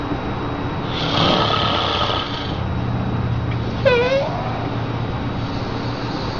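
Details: Father snoring, startling a baby awake.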